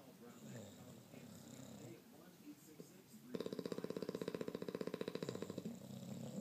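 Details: French and English bulldogs: quiet breathing noise, then a loud, rapidly fluttering, rattly snore lasting a couple of seconds; snoring.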